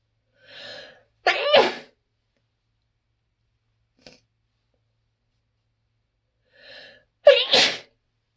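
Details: Loud allergic sneezing in a person with spring and fall allergies to tree pollen, grass pollen and ragweed: two forceful sneezes several seconds apart, each led by a short in-breath and a sharp double burst.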